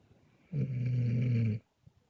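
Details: Bozon snoring during a camping trip: a single loud, low, rumbling snore lasting about a second against quiet room noise.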